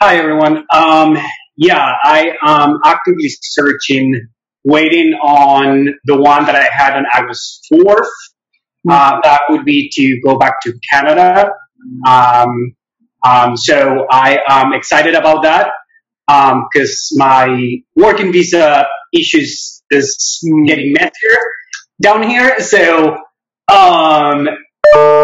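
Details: Real adult who stutters and usually discloses the stutter in job interviews; stuttering.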